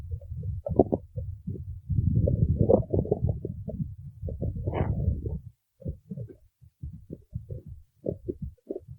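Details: Female's stomach growling, owner thinks she needs to eat: long gurgling, rumbling growls breaking into bubbly pops; borborygmi.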